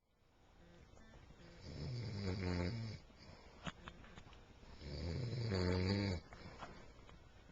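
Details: Two long, low, rattling breaths about four seconds apart, roughly 15 breaths a minute, from a sleeping man who denies snoring; snoring.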